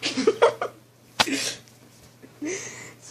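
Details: A small dog (puppy) gives a brief, explosive nasal burst, a single sneeze, with faint vocal sounds before it and a thin squeaky tone after. The dog tends to sneeze when hand lotion is put on.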